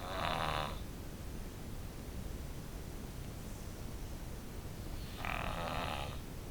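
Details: Daughter who has snored since birth, asleep: two rough, buzzing snores about five seconds apart over steady low background rumble; snoring.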